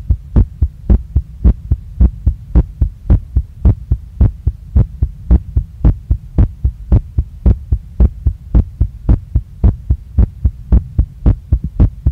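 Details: Adult woman's heartbeat recorded right after a workout, very fast and pounding, felt in chest, neck, face and stomach, not calming down. Strong, regular, fast thumping about 110 a minute with a steady hum behind it: sinus tachycardia after exercise.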